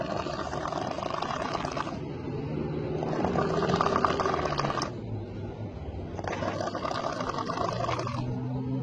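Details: Snoring: three loud, rough, noisy breaths about three seconds apart, with low rumbling between them.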